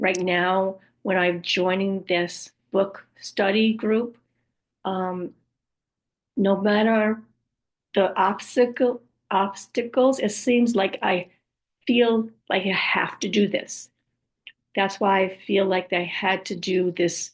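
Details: Adult woman after a stroke with aphasia, apraxia of speech, word-finding difficulty and other communication challenges: aphasia with apraxia of speech.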